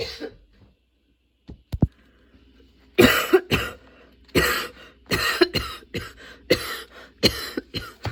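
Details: Sudden-onset, unexpectedly long nonstop coughing fit that kept worsening, bringing tears and constant position changes: after a quiet start, about nine harsh, forceful coughs in close succession; sustained coughing fit.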